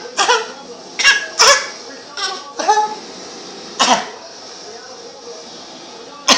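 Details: About seven short, voiced cough bursts, playfully imitating dad's cough.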